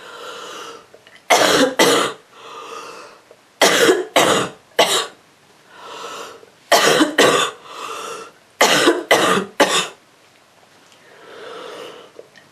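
Four bursts of two or three harsh, rough coughs, with audible breaths drawn in between; a rough cough from a common cold.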